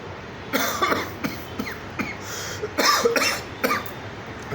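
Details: An adult gives a series of about five short, harsh coughs in quick bursts, acted for a cough syrup ad audition, over faint room noise.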